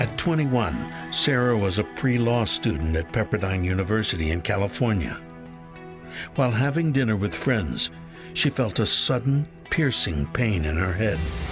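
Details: Adult male narrator; normal speech.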